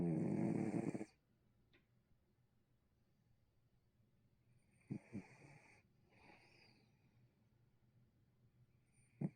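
One loud, muffled snore, then quiet breathing with a few soft snorts; ordinary snoring.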